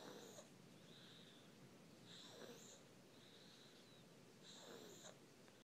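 A sleeping infant breathes about 26 times a minute. Each breath has a high, thin whistle and a soft snoring rasp.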